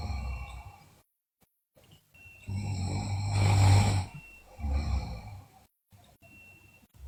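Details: Sleeping girl, video also notes bruxism and delirium: deep, rumbling snores on breaths in with quiet pauses between; loud snoring.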